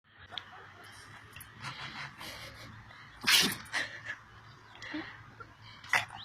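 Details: 7-year-old pug sneezing after running and playing in the sun: several sharp, explosive nasal bursts with snuffling between them; repeated sneezing.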